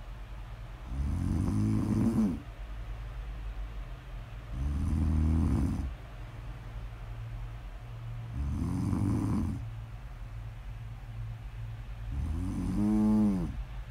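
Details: Snoring audio recording, presented as ASMR: slow, steady snores with a deep vibrating sound on each breath in, about 16 breaths a minute; ordinary snoring.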